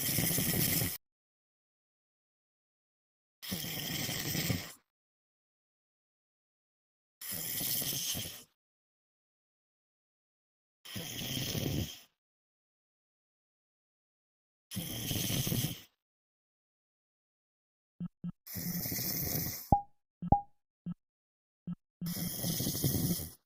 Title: Night snoring lmfao